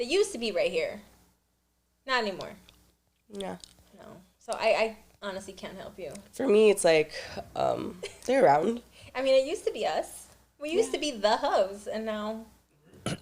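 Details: Adult woman speaking; normal voice.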